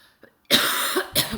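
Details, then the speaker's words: Adult with a nasty cough, described as sounding bad that night: two forceful, harsh, loud coughs with a rough, hissing quality. "Gosh, you guys, I shouldn't have done a video tonight. This cough is nasty. I sound like Hillary."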